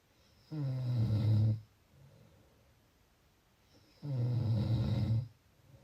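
Two long, low, rattling snores on the in-breath, about three seconds apart, with quiet pauses between them.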